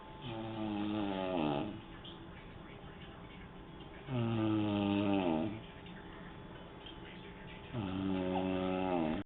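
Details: Three loud, drawn-out rattling snores over nine seconds, about 16 a minute, with quiet gaps between; ordinary snoring recorded on a mobile phone.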